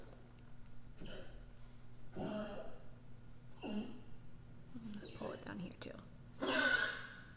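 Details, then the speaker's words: Old, sick dog coughing and choking: about five harsh, breathy hacking bursts with gagging sounds. "sorry that noise is my dog he's coughing and choking he's old and sick"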